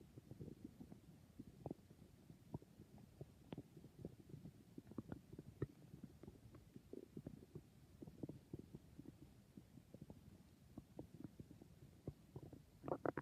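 Soft, continuous gurgles and bubbling clicks from the belly; normal bowel sounds, stomach growling.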